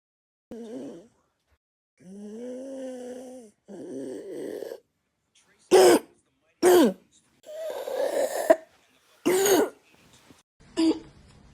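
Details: Young child's barking croup cough: harsh, hoarse coughs with a seal-like bark.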